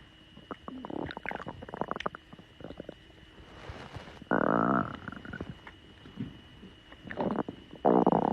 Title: tiktok girl's stomach growling 6